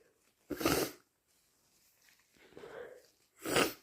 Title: Strong, loud induced sneezes plus blows